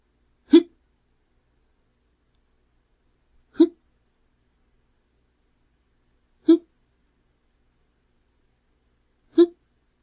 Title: Hiccups Sound Effect - Adult Male Having The Hiccups